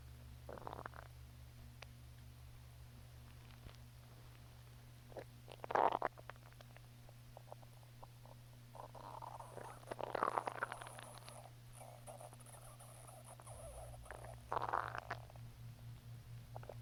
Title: Hungry stomach growls